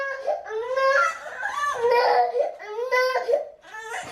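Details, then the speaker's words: Toddler crying after being left by a parent on her first day at work, seemingly missing them: sobbing, wavering bursts with catches between, in a small room. "is actually crying I think he start to miss to his bab so uh let's go look for him"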